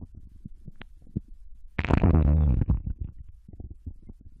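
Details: Japanese girl's abdomen digesting ramen and potato chips: low gurgling and rumbling with a louder bubbling surge in the middle, ordinary digestive bowel sounds.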